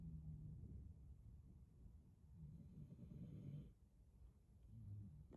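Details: Snoring.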